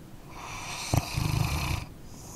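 A single rough, fluttering snore over steady background hiss from a sleeping dog; snoring.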